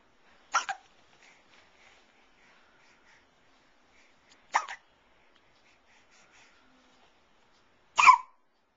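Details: Three short, sharp hiccups about every 4 seconds from a 3.5-month-old baby girl, quiet in between; infant hiccups.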